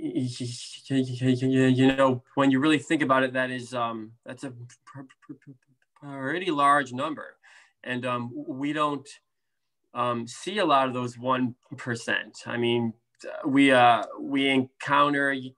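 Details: Adult man, a speech therapist who stutters, with blocks, prolongations, sound repetitions and interjections, and severity varying from day to day: stuttering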